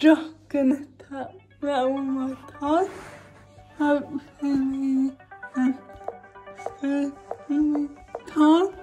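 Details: Dysarthric speech from cerebral palsy in a woman, recorded while she talks through her daily routine during quarantine.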